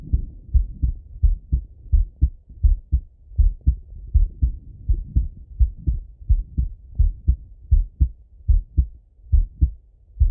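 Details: Male heart auscultation with stethoscope, self-recorded partly sitting at a desk and partly lying in bed: regular low lub-dub at about 85 a minute; normal heart sounds.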